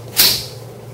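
A single sharp snap with a short hiss as the spring-loaded intraosseous needle device fires, demonstrated on a training model.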